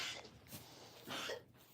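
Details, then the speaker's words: Two short, harsh cough bursts about a second apart from a young goat kid in a quiet indoor space; owner thinks a piece of hay got stuck in her throat while eating: cough. "what's that sound did someone eat too fast who is coughing oh it's"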